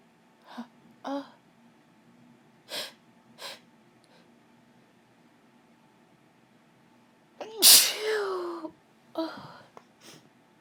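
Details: A female sneezing while ill, in a quiet room with a low hum. A few sniffs and short breaths, then one forceful sneeze with a voiced cry, followed by a gasp.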